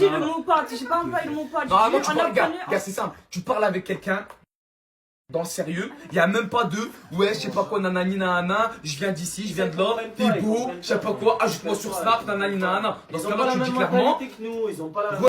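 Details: Adult speaker; normal voice.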